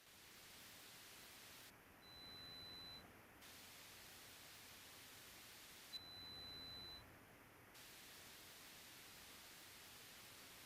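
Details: Pure tone audiometry threshold search, where intensity is raised in 5 dB steps until two of three ascending responses: two steady high-pitched beeps about a second long over hiss. The audio is edited for ASMR.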